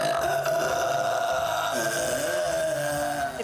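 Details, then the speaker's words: Burping in a TV comedy sketch at a bachelorette party after a champagne toast: a long, loud, drawn-out belch. "why don't you slow down on the champag a little it's not cute it's kind of gross who invited the burping queen"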